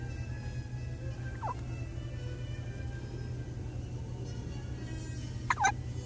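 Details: Hiccups: two brief, sharp, voiced catches over a steady low hum.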